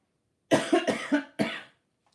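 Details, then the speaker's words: Cough from an adult who believes it is COVID because it is unlike a normal cold or flu; it has lasted a while and is now improving. Their partner, also ill, is heard coughing. "it is getting better it's not as annoying as it was um but as you can hear other half's got it is coughing as well"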